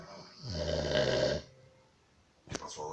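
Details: Sleeping 10-month-old Rottweiler gives a single loud, rattling snore on an in-breath, then quiet; it kept snoring through an earth tremor.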